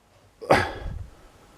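One loud, explosive burst of air through the nose and mouth with a quick fade, typical of a forceful sneeze.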